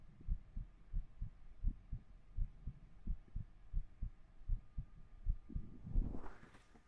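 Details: Soft, regular paired low thumps, about 85 beats a minute, ending in a brief rustle, recorded with a 3Dio binaural microphone during an ASMR livestream; a heartbeat.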